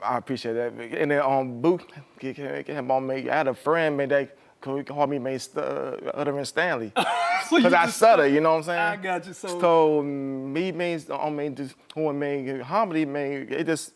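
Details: Adult male comedian and Army veteran who does not hide his speech impediment on stage; broken, garbled words; stuttering.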